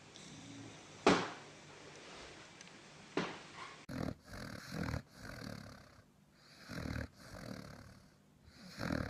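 Rhythmic rough, snorting breath noises repeating every second or so, typical snoring in a sleeping dog.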